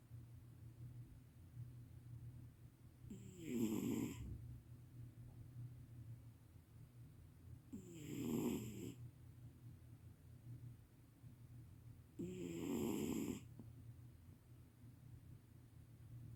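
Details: Sleeping cat snoring loudly: three rasping snores at a slow, steady pace, about 13 a minute, over a low room hum; the cat wakes up and immediately goes back to sleep.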